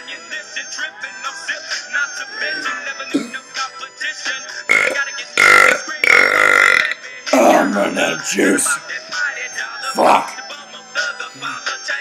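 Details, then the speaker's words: Deliberate back-to-back belching: loud, long burps over background music, talk and laughter. "you my burping talents cuz I can do back to back [Music] ready that's one that's you"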